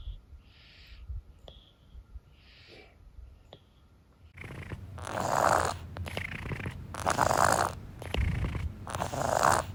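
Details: Congested noisy breathing, somewhat worse than his usual wheeze but not really bad, breathing partly through his mouth.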